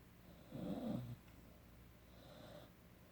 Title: 17 Week Puppy- Emery Snoring